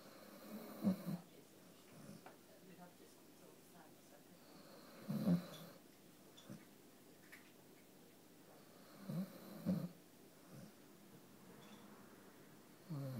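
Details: Dalmatian dog snoring: soft, snuffly snores in short bursts every few seconds over low room noise; ordinary snoring.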